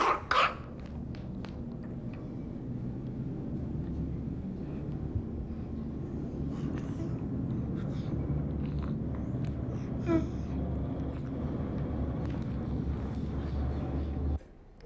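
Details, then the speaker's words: Child with a blocked nose, not stridor: low, wet, rattling noise when breathing both in and out. "we heard a wet noise when simble was breathing in and out therefore we decided that simble did not have stridor but a blocked nose"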